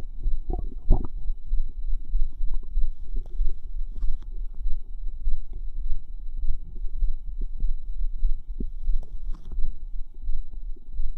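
Continuous low bubbling and gurgling with scattered pops and squelches over a faint hum; ordinary active bowel sounds.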